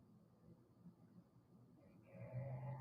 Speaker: Oh, my stomach growling. Y'all hear it?